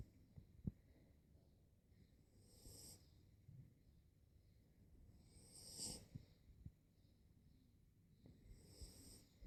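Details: 3-month-old snoring: quiet rhythmic breathing with soft rasping, whistly noises on each breath, about three breaths heard.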